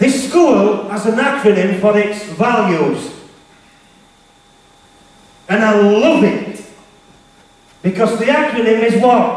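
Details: Stuttering (stammer) in a male motivational speaker, who was referred to a speech therapist.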